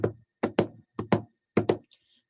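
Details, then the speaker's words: Lecturer vocally imitates normal heart sounds heard on auscultation with a stethoscope during physical assessment teaching: evenly spaced paired "lub-dub" sounds in a steady, regular rhythm; normal heart sounds (imitated). "then we're going to auscultate okay and we're gonna listen to heart sounds and a normal heart sound sounds like lub-dub dub dub dub okay all right"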